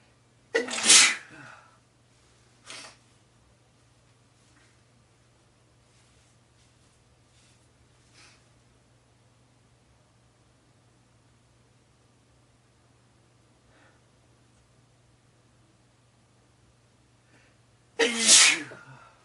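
Two loud, sharp sneezes about seventeen seconds apart, with a short quieter burst and faint breathing between them, over a low steady hum.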